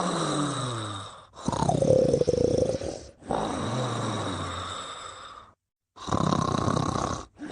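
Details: Sleeping subject (Mimi) snoring: rough, rattling breath noises with long drawn-out noisy breaths separated by brief pauses.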